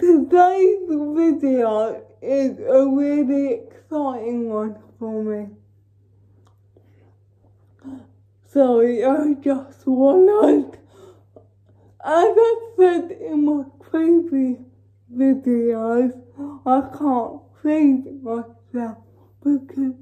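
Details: Female with cerebral palsy talking while feeding herself with a Neater Eater feeding aid; dysarthric speech in cerebral palsy, no speech disorder formally named.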